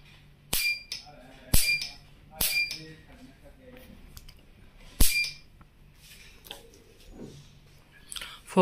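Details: Nd:YAG ophthalmic laser, machine Model 307: several sharp, loud clicks about a second apart, each a laser pulse firing, over low room hum.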